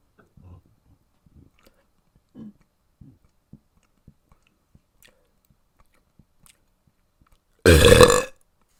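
After faint mouth noises, one loud, long belch rises from the throat: an ordinary burp bringing up swallowed air.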